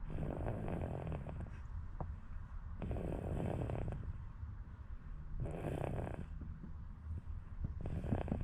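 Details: Sleeping baby, dead tired from playing, gives rhythmic low rattling snores with each breath, about four in eight seconds, over steady low noise; snoring.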